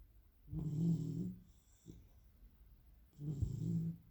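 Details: Sleeping Labrador snoring: two low rattling snores separated by a quiet pause; ordinary snoring.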